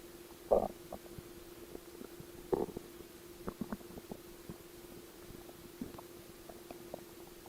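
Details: Stomach growl: faint gurgles and rumbles from the belly over a steady low hum, ordinary borborygmi.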